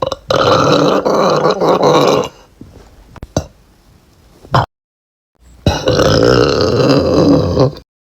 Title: TikTok Girl Burp Compilation & Best Moments PT.6